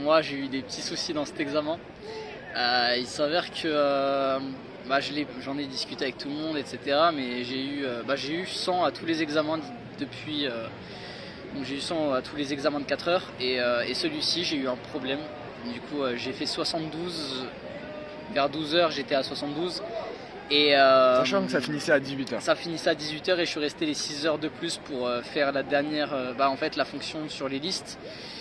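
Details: Adult male speaker; normal voice.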